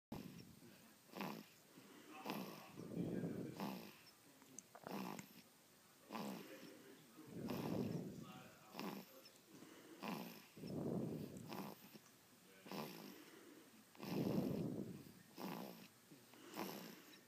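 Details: Baby in deep sleep snoring loudly, with rhythmic low rumbling noise on each breath about every two seconds, roughly 14 breaths a minute; snoring.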